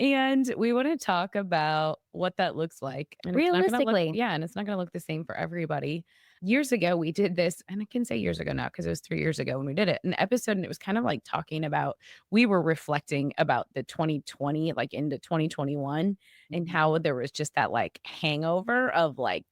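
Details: Adult woman speaking; normal voice.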